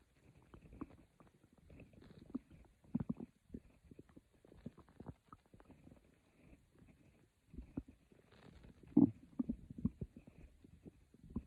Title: A Stomach growling video by me. Quiet growls for sleep…